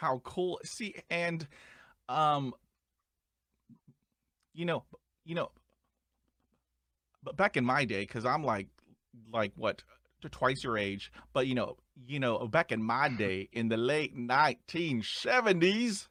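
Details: Adult male who stutters, with audible sound repetitions; he reports his stuttering involves blocks and repetitions, with eye closing and arm movements during blocks; stuttering.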